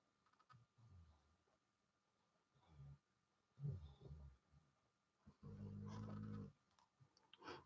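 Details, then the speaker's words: Sleeping dog snoring: low, irregular, quiet rumbling snorts with one longer, louder snoring breath, in a room during conversation. "Y'all just hear the dog snore."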